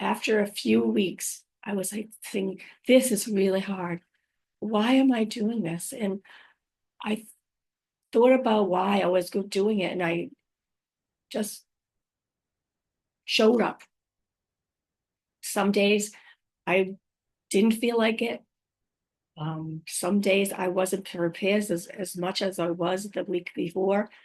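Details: Adult woman five years after a stroke with real aphasia, apraxia of speech and dysarthria; she says her speech can sometimes be hard to understand; aphasia with apraxia of speech and dysarthria.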